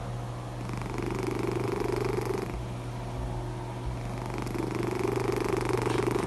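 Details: Sleeping cat: steady low rumbling snore that swells with each breath, relaxed and harmless, snoring.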